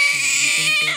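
Short repeated wails from a newborn just after a normal delivery, with a hissing background; a strong normal cry.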